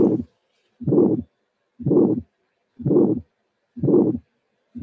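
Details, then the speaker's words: Simulated heart at about 60 beats a minute, bicuspid aortic stenosis: first sound followed by an early ejection click, then a harsh systolic ejection murmur peaking very early in systole. "This is another example of bicuspid aortic stenosis. This is immediately the recording of the auscultation finding this time. Here we have first sound and click, first sound and click, ejection murmur."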